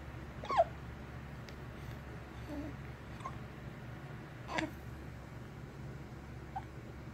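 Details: Baby with hiccups: brief, sharp, squeaky catches repeating every couple of seconds over steady room hum; infant hiccups, a normal finding.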